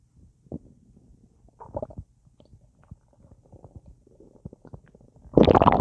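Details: Full, gassy belly after a big meal eaten with a drink: irregular bubbly gurgles and pops ending in a louder rumble, active bowel sounds (borborygmi).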